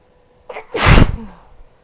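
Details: Adult woman gives a single forceful sneeze: a short breath in followed by a loud, explosive burst; ordinary sneeze.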